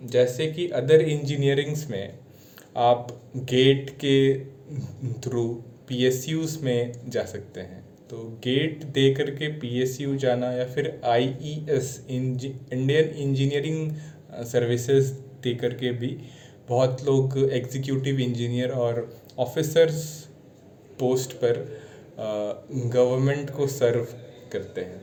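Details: Adult male speaker; stuttering.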